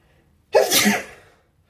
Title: Sneezing while sitting on the carpet